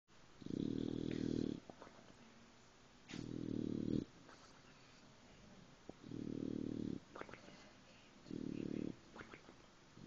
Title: snoring dog